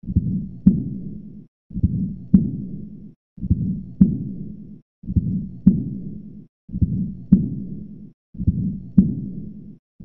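Regular heartbeat, roughly 36 cycles a minute on playback, with a long blowing murmur filling each cycle: aortic regurgitation.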